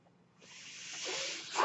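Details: The podcaster's own mechanical ventilator, heard between the speech: after a brief quiet moment a soft, steady rush of air builds and holds as it delivers a breath.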